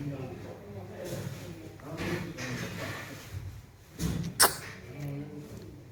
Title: He sneezes😍🥰♥️,9th Sept.2022